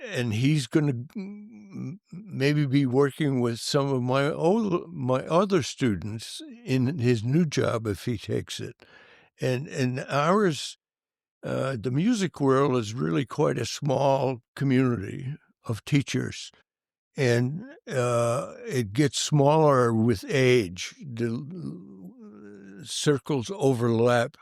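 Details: Adult male band director with stuttering that was severe in childhood and stayed severe for many years; he says he still stutters, as can be heard. Finding: stuttering.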